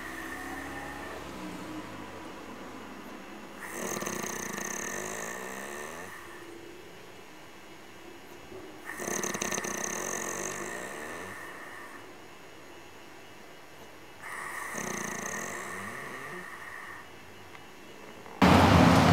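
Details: Three slow, rumbling, fluttery snores over steady background hum; snoring.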